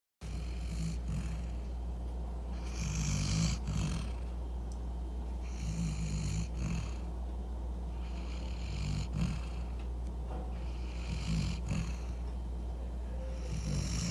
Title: Dog snoring